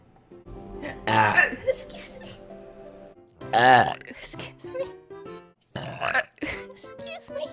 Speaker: yeah i was a double burp oh my god i can't get out of it i don't think i've ever double burped before that was insane